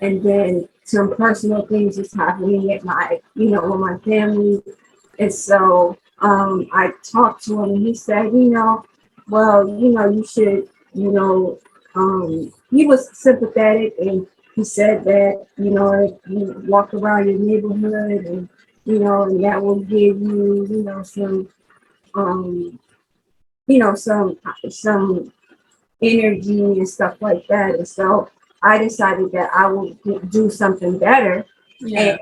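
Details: Aphasia in a 43-year-old woman after a stroke in 2020 that left her unable to talk; she has had several speech therapists and still takes her time when talking. Finding: aphasia.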